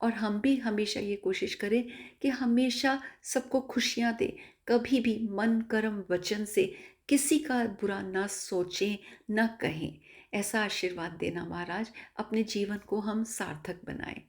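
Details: Adult woman speaking Hindi; normal speech.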